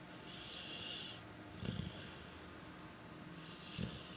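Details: Three-legged pit bull snoring gently at night: soft, hissing breaths with faint low snorts in a quiet room.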